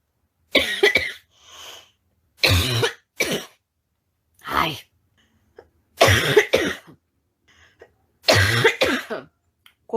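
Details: Adult woman with a persistent night-time barking cough: about six loud, harsh bursts, some doubled, with quiet breaths between, during a live stream.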